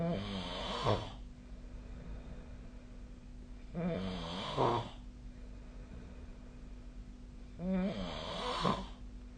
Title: 🐽 いびきの音 / Snoring Sleep Sound 2025/05/18